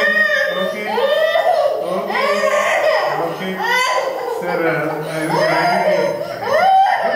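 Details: Scared young boy crying after anesthesia before surgery: loud, continuous sobbing with wavering pitch and brief gasps, mixed with adult voices in the room.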